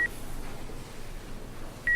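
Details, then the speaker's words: Cardiac monitor alarm in a simulated scenario: short high-pitched beeps about two seconds apart as a sedated, unstable patient with very low blood pressure and frequent PVCs has just had a run of 13 PVCs. "you not hear that alarm on the heart monitor that keeps going off he just had a run of 13 PVCs"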